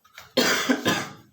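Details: Cough from a household member at home where the husband and son have coughs: one harsh, loud cough burst after a brief inhalation, with a second push near the end, in a small room.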